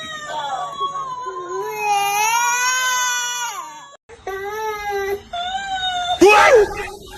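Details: Sustained wailing cries with rising and falling pitch, a brief breath pause, then more crying and a sharp squeal, over music: ordinary infant crying.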